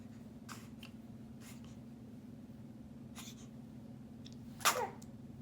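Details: Pet named Coop sneezing while batting at toys: a single sharp sneeze near the end over a steady room hum with faint rustling.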